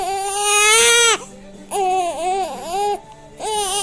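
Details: Infant with hiccups crying: three loud, high wails with short pauses for breath between them; ordinary infant crying.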